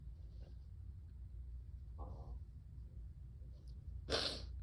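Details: Harsh, barky sneeze attributed to bronchitis: after a quiet lead-in with a faint intake, one sharp, forceful sneeze bursts out near the end over steady low room hum.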